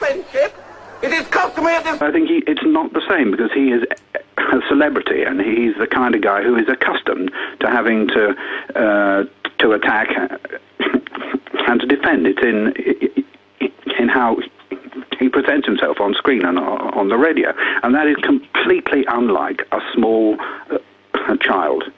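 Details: Stammering in an adult man who has a stammer.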